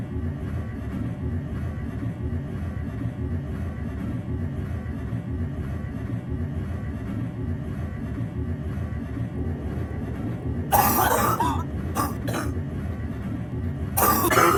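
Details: Nocturnal cough at night in a kitchen/laundry room, moved there to avoid waking others: a steady low laundry machine hum, then a few short, harsh cough bursts near the end.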